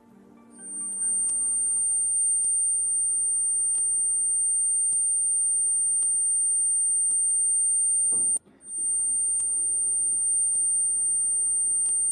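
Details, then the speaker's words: Simulated high-pitched tinnitus: a steady, piercing high-pitched whine over a low rumbling hum, illustrating the sharp noise heard in tinnitus. "claro este es el agudo del que usted hablaba doctor este es un ruido si esto es un ruido agudo"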